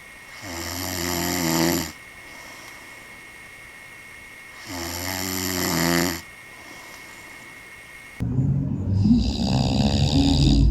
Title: Extracts of snoring of men all named on a decoration of a residence.